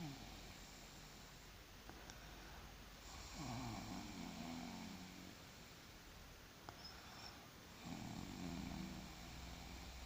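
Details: Person snoring while asleep after surgery: two loud, rough, fluttering snores about four seconds apart over steady room noise.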